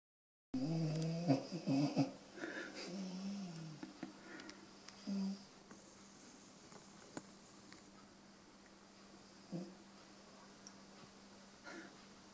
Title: schnarchender hund